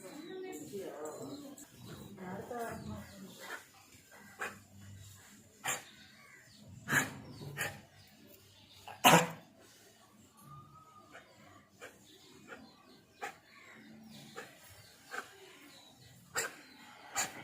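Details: Dog at a veterinary clinic with repeated short, harsh hacking coughs: kennel cough.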